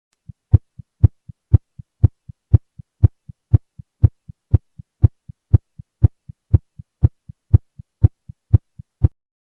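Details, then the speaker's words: Fast regular heartbeat at 120 a minute in a standing patient after exercise, with a louder first heart sound and systole and diastole about equal in duration, heard with stethoscope: tachycardia with loud S1. "exercise increase heart action this increase the heart rate and intensity of the first heart sounds at 120 bit per minute"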